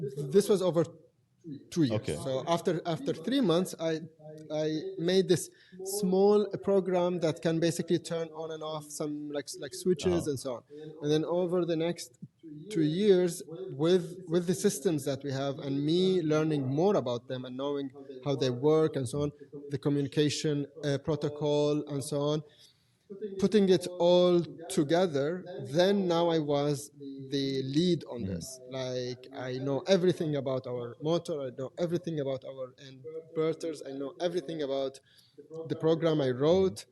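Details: Adult man who has stuttered since age five or six, with blocks, lip and tongue tension, word repetitions and fillers; now controlled with pull-out and preparatory-set techniques learned in therapy in Germany; stuttering.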